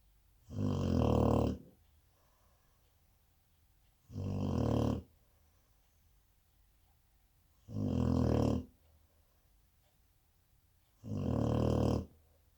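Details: A 4-month-old Cane Corso puppy snoring: deep, rattling snores at regular intervals, about 19 breaths a minute, with quiet pauses between; ordinary snoring.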